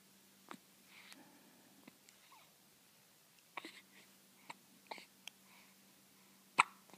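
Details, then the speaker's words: 1-week-old infant with hiccups: soft, brief, sharp hiccup sounds at irregular intervals, about one a second, in a quiet room with faint background murmuring. "scared the hiccups out of you. Oh no, it didn't."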